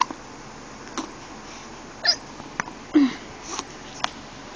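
Short, sharp hiccup sounds, about five in a few seconds, from a young infant in a quiet room.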